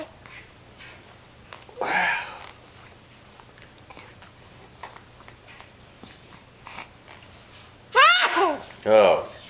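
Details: A single sharp, loud sneeze from an infant during tummy time in a quiet room, followed later by brief voiced baby sounds.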